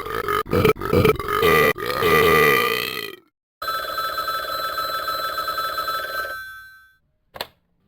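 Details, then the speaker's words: Several loud, drawn-out, croaking tonal burps followed by a long sustained belch; exaggerated cartoon burping sound effects from a character who burps all the time. "Did you burp in Tom's living room?"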